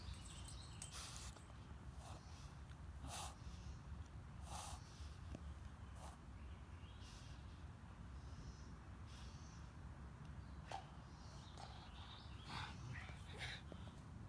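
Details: Dog with near-daily episodes of noisy, labored wheezing with repeated short harsh snorting breaths, sometimes lasting minutes, each bout ending with a large burp; cause unknown to owner.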